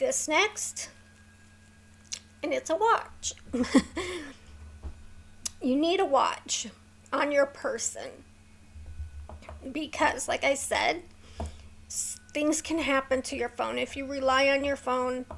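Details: Woman with a neurological condition causing tremor of hands, voice and head, plus mild tardive dyskinesia; her throat has become sore from straining to talk; vocal tremor.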